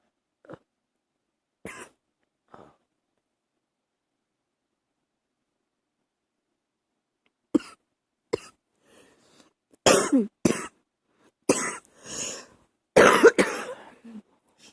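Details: Early-morning coughing held back to keep quiet: several short, muffled coughs and throat clearings, some stifled, then a burst of louder dry coughs.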